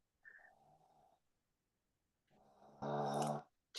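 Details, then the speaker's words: Sleeping dog snoring, first mistaken for growling and said to sound like a machine: two rattling, buzzy breaths, the second louder and more droning; snoring. "Somebody's growling. That's my dog snoring."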